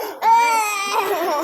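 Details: Infant girl cries with a sharp, high-pitched, strained wail in a pain response while receiving a 2 cc injection.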